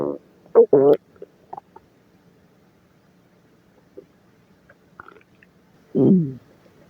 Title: Stomach Growling at Work